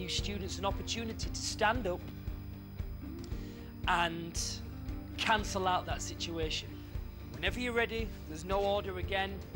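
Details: Adult speaker with background music; no speech disorder.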